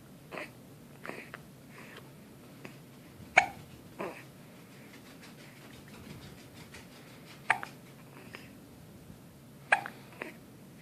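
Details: Hiccups: sharp, brief hiccup sounds repeating irregularly, about ten over ten seconds, in a quiet room.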